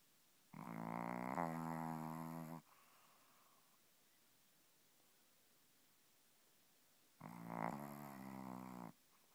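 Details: Sleeping Boston Terrier snoring like a person: two long, loud, buzzing snores about six seconds apart, each with a fluttering rattle, separated by quiet pauses; snoring.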